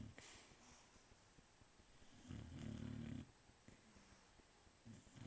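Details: A sleeping dog snores: a single loud, rough, low snore lasting about a second, plus a few fainter low breath sounds, in a quiet room.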